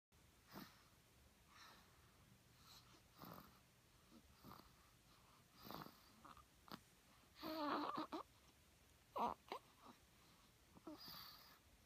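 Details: Infant aged 2 weeks snoring: soft noisy breaths repeating in a quiet room, with a few louder rough, squeaky breaths.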